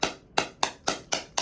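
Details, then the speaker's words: Electrohydraulic shockwave therapy on the left knee of an adult man with chronic ACL deficiency from a 2001 soccer injury and meniscus-area inflammation; device at level nine, double-clicked; sharp regular clicking pulses, about four per second; shockwave device firing. "Now we're going to um double pump engage this. I'm starting at a setting of nine. I'm going to double click this"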